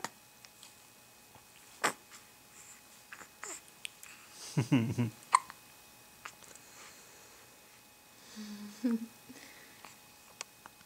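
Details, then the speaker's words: 2-week-old baby girl, awake and stretching, with hiccups: small, soft, irregular hiccup sounds with a few coos and an adult voice in a quiet room. "Hi, sweetie. My little hiccup girl."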